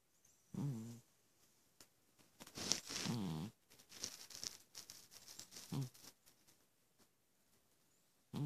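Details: Sleeping Persian cat snoring: irregular, low, buzzing snores on its breaths, with faint rustling between them.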